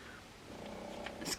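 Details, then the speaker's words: Pet pugs sleeping on a bed across the room during an indoor makeup recording; a low, rumbling, purr-like snore from a flat-faced dog over faint room noise; snoring. "they're all the way over on the bed so you will hear snoring throughout this video apologies for that"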